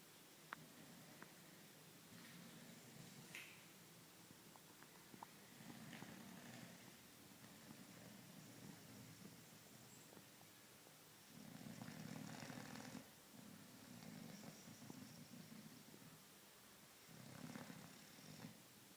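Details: Boxer dog asleep on a sofa: low rumbling breaths in slow repeated cycles over quiet room noise; snoring.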